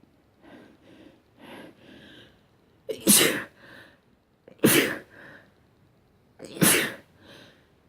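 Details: Morning sneezes: three forceful sneezes, each preceded by short catching in-breaths, in a quiet room.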